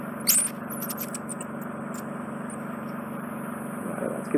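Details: A steady, pulsing suction hum with brief squeaks and crackles as wax is drawn into a Zoellner suction probe. This is ear wax removal, also using a Jobson Horne, from a left occluding and right semi-occluding wax build-up.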